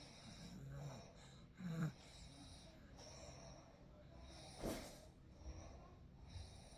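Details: Real night recording of sleep: soft, irregular snoring breaths with a brief snort, over steady quiet room noise.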